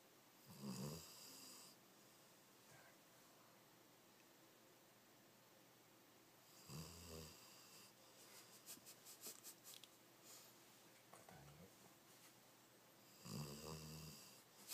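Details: Snoring from a sleeping dog: several loud, fluttering snores separated by long quiet stretches, with faint room noise.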